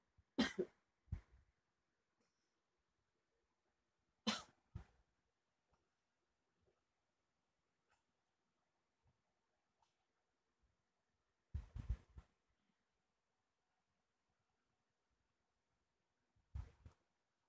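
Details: Person at night with sore throat, shortness of breath, painful swallowing, nausea and trouble sleeping, maybe bringing up some phlegm: four bouts of two or three dry coughs, several seconds apart, in a quiet room; cough.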